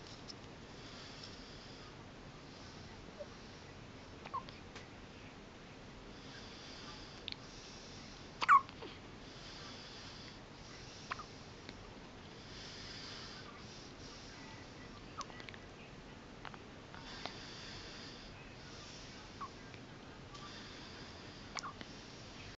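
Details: Newborn on her first night in hospital with soft, brief hiccup clicks about every one to two seconds in a quiet room: newborn hiccups.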